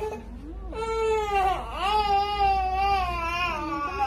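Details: Baby boy after an injection: sustained, high-pitched, tense crying with a wavering pitch and brief catches; infant pain cry.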